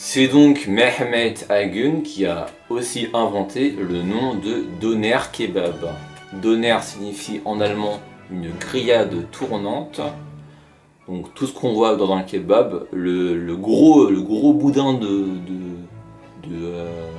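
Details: Adult male speaker; stuttering.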